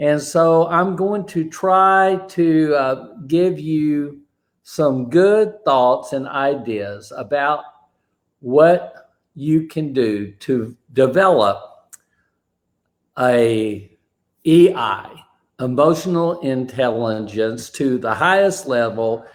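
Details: Man with aphasia after a stroke, who says a bad morning affected his ability to talk that day; aphasia.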